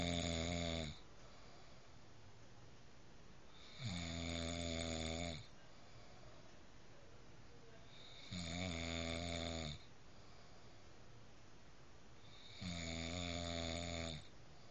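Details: Loud rattling snores on each breath in, with quiet breathing out between, about 14 breaths a minute; steady snoring.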